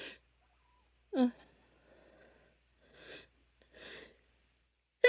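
Sharp breathy bursts with a gasping intake between them, a run of sneezes in a quiet room.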